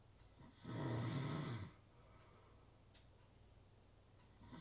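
One loud, rough, low snore lasting about a second, then a quiet pause before the next one starts.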